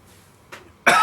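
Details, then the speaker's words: Person still recovering from COVID, tested negative the night before, with a lingering cough: a quiet throat sound, then one sharp cough burst; cough. "And I'm still recovering from COVID. I tested negative last night, but I got a bit of a cough, as you can hear. So that's been awful too."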